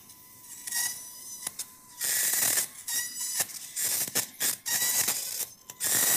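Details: High-speed surgical drill whirring in repeated high-pitched bursts with brief pauses during a minimally invasive TLIF spine operation, making a transverse cut through the pars after a laminotomy to disarticulate the facet.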